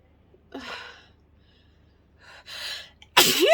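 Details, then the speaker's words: Pepper-induced sneeze: two gasping build-up breaths, then a sudden loud sneeze with the typical wind-up, in a recording that includes attempted stifles. "pepper always works for me it just makes my nose tingle and ah oh i'm gonna sneeze excuse me"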